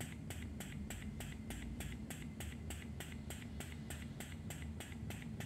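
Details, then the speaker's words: Fatz Baby double electric breast pump at level 1 in stimulation (massage) mode, noise test: quick, evenly spaced clicking pulses, about three a second, over a low motor hum. "với máy Fatz Baby này thì mình sẽ cho các bạn nghe độ ồn ở level 1 đây là chế độ kích thích ha massage"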